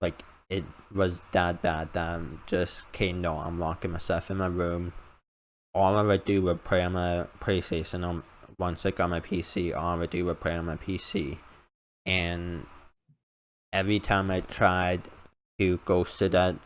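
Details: Male with a self-described uncontrollable speech impediment, improved after about 10 years of speech therapy; formerly used an iPad talking device, not used for almost three years; finding: speech impediment.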